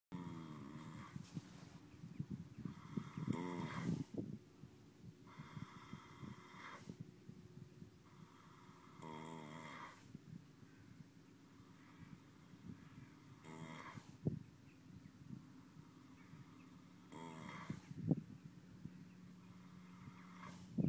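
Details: Sleeping horse with deep, rumbling snores on slow, regular breaths, each about a second, quieter breathing between; snoring.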